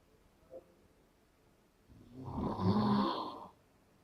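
A single rising, rattling snore on an inward breath after a quiet pause; snoring during sleep.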